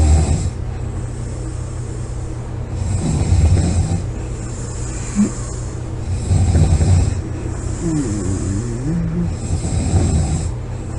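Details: Heavy snoring during sleep: loud, low rattling snores on each inhalation, roughly every three seconds, over steady room hum.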